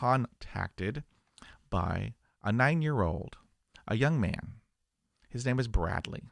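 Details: Adult man who stutters, speaking to camera; stuttering.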